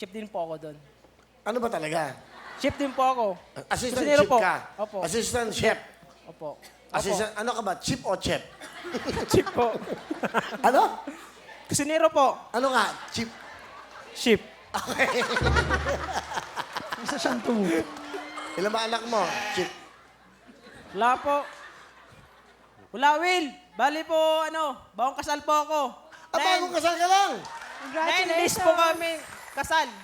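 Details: Adult man, a newlywed cook, described by his wife as unable to pronounce words clearly, speaking Tagalog; articulation disorder (speech sound errors).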